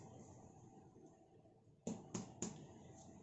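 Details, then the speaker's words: Nursing student practical exam on a male patient: three hollow finger-tap thuds on the chest over quiet room hum, a normal resonant percussion note over air-filled lung. "normalnya resonan jika pasien tidak punya nasional atau bunyinya adalah seperti pasien indikasi paru-paru berisi cairan atau ada pembesaran jantung"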